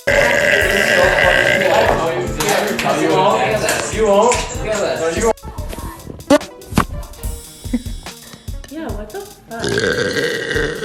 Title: Girl Burps